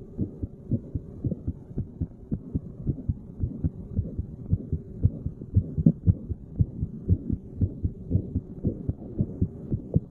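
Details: Resting heartbeat while sitting, recorded at various random chest spots by a layperson: regular low thumping about 115 beats a minute with a faint hum behind; normal heart sounds.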